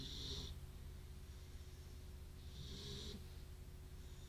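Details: Beagle asleep after a good walk, giving soft snuffling snores and hissy breaths over steady room hum; ordinary snoring during sleep.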